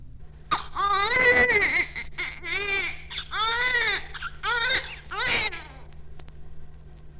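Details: Weak cry of premature infant.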